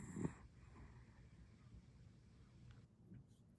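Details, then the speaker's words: A sleeping pet dog, tired after a rough week, gives one short, low, snorting snore, then quiet breathing with faint room sound; he often snores loudly enough to wake the owner. "It was a loud snore. Unfortunately, it does not quite, didn't quite go as loud as I thought it was. Because let me tell you what, it woke me up."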